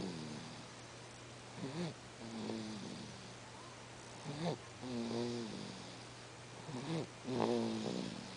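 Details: Sleeping baby making noise: soft, rhythmic snorting and grunting breaths, about 24 a minute, over steady room hum; infant noisy breathing during sleep.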